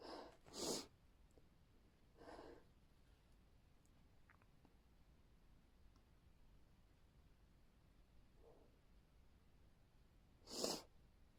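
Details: Sneezing: a few short sharp nasal bursts of air in a quiet room, the last the strongest.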